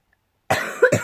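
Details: Still very ill, coughing during a vlog: a single harsh cough burst after a brief silence.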